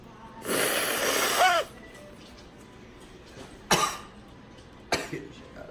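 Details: A run of sneezes triggered with a Q-tip and recorded up close: a long voiced burst followed by two short explosive bursts.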